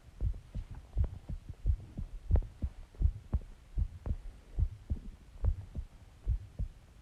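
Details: Self-recorded heartbeat after eating eggs and ice cream and drinking Coke: steady paired thumps about 85 beats a minute, clear and regular; normal heartbeat.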